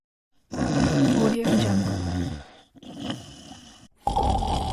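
Loud, rough, rumbling snores with strong vibration on each breath, separated by brief pauses.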